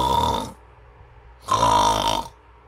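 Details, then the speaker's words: Awake adult deliberately imitating open-mouth snoring, said to be much louder than nasal snoring: two loud, rough, rattling breaths with quiet gaps; simulated mouth snoring. "còn nếu mà nháy bằng miệng đi thì cái tiếng ngáy nó sẽ to hơn nó lớn hơn và cái âm lượng của nó kinh khủng hơn"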